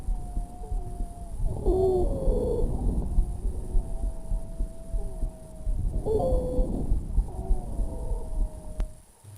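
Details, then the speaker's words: Teaching demonstration of wheezes: high, musical whistling tones running through the breaths, continuous added sounds produced by narrowing of the airway diameter. "las sibilancias se escuchan de esta forma"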